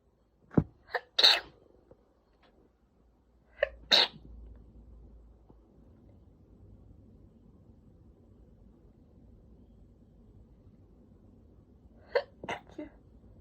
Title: JAPANESE SNEEZES !!